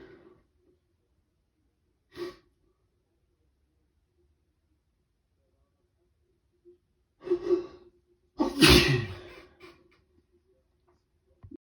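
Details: Person with a cold, day 2, sneezing on waking in prolonged rapid fits: several sharp intakes of breath building to one forceful sneeze, followed by a sigh.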